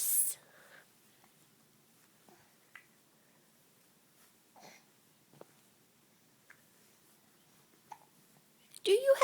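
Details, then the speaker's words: Hiccups in a quiet room: brief, sharp catches of breath recurring about every second. "Somebody has the hiccups."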